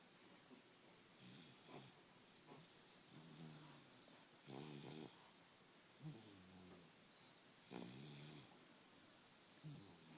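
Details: Soft, irregular snoring during a midday nap, about six snorting breaths over ten seconds, some with a light whistle, in a quiet room: snoring.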